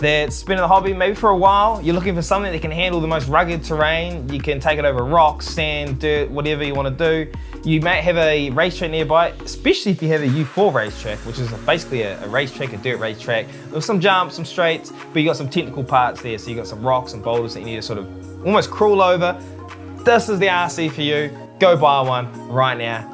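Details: Adult male speaker; normal voice.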